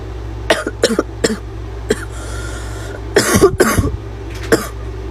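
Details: Girl with repeated short harsh cough bursts in quick clusters with a barking quality over a low hum, then says it hurts: barking cough.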